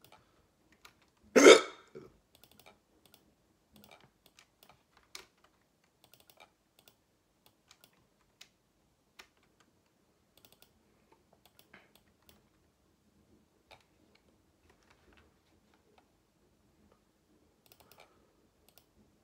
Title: Hiccups wont stop